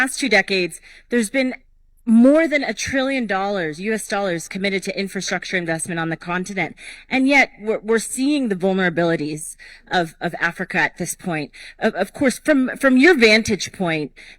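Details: Adult woman speaking; normal voice.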